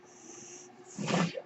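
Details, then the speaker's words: A person speaking while on a mechanical ventilator, with the ventilator noise audible in the background: mechanical ventilator breath cycle. "hello everyone my name is that noise you're hearing is my ventilator and welcome to womp rat Wednesday"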